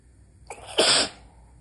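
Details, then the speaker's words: Nighttime stifled sneeze by someone trying not to wake his wife: a short catch of breath, then one sharp, hissing, partly held-back sneeze in a quiet room. "I'm trying to keep it quiet. Yeah, I can tell. It's not working."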